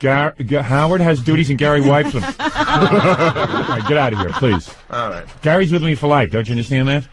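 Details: Adult men in radio studio banter; ordinary speech.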